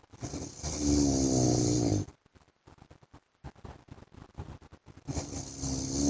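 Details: Loud rattling, buzzing inhaled snores from a sleeping adult man (husband), with a quieter breathy pause between them: ordinary snoring during sleep.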